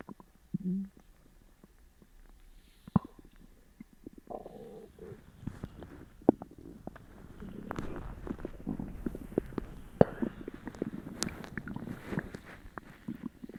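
Irregular gurgling, bubbling and rumbling that swells toward the end, loud bowel sounds of an upset stomach.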